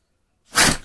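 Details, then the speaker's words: Dog sneezing after his first big walk of the year, owner wonders if he is allergic; a single sharp, hissing burst of air fading quickly: one sneeze. "oh this his first big walk of the he I said the W word and it was a long long one now he's sneezing sneezing"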